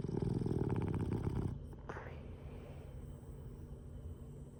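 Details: Sleeping Boston Terrier snoring and blowing snoring bubbles: a loud, low rattling snore lasting about a second and a half, then quieter breathing.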